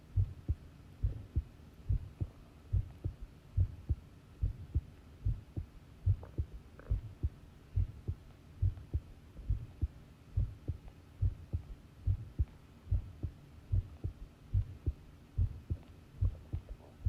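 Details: Heartbeat from a long recording made while listening to the pounding heart: steady, low thumping beats at about 71 per minute with a faint background hum.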